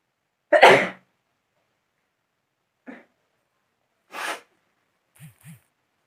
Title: Sneezing vdo//original sneezing with toothpeak